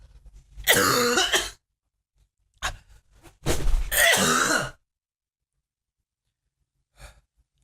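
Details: Harsh, wet coughing bouts with throat clearing, spluttering and breathlessness from a sick adult, separated by short silences; cough.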